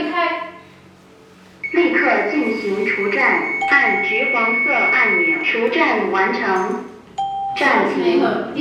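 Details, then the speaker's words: Training AED during a first aid class with CPR practice: recorded device voice prompts with steady alert tones announcing rhythm analysis, stand-clear and shock-advised warnings; trainees told to follow its instructions. "ها هو جهاز الإنعاش القلبي الرئوي الآلي (AED) . افتحه. تشغيل. شغّله، شغّله. حسنًا، افعل ما يقوله. استمع جيدًا الآن."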